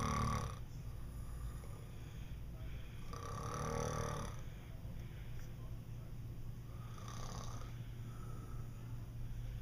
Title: 07.31.11 Snore Napping